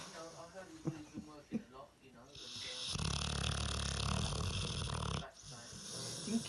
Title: This dog snores loads